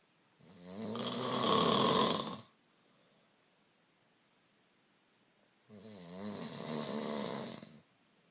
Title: The snore